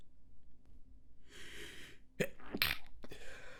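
A quiet hissing build-up, then a few short, muffled bursts through the nose and closed mouth, typical of a stifled sneeze.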